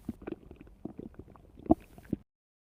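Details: Stomach rumbling: bubbling, gurgling rumbles over about two seconds with a louder gulp near the end, from gas and fluid moving through the gut.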